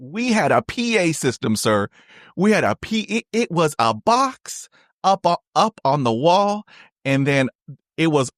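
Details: Adult male, a person who stutters who was in school in 1975 and still has blocks and repetitions; real, unscripted conversational speech showing stuttering.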